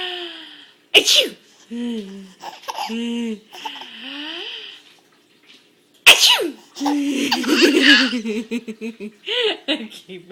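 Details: Tyler, a day short of five months old, laughs and giggles after each of two sharp, explosive adult sneezes from his mama; sneezing.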